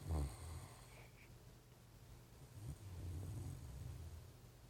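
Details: Great Dane passed out asleep on a couch: low, soft rumbling breaths with faint snorting; mild snoring.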